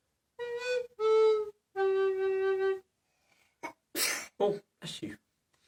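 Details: Sneezing after alto recorder playing: three recorder notes, then a pause and a quick run of small, explosive sneeze bursts.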